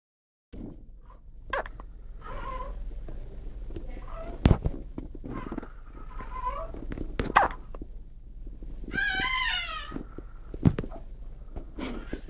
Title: New born baby with hiccups. So cute :)